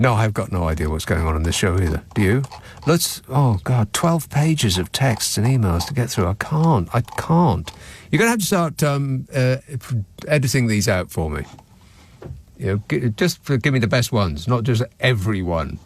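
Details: Adult male speaker; typical voice.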